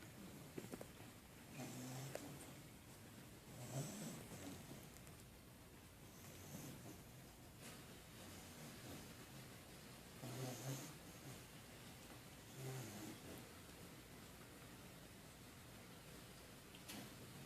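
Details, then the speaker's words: Sleeping male pit bull puppy: soft, low rumbling snores every few seconds over a steady hiss, described as snoring like a man; snoring. "he heard me it's not like a man this little boy still snores like a man"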